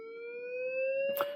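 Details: Steady electronic tone rising slowly in pitch, ending with a click, as a defibrillator set to 360 J charges for synchronized cardioversion of simulated ventricular tachycardia on an EKG rhythm generator.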